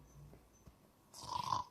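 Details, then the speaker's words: Snoring during sleep, described as a sign of airway blockage that can trigger sudden stops in breathing; the finding is snoring. "Tidur masih ngorok. Dengarkan ini. Mengorok itu bisa memicu henti napas secara mendadak, Pak."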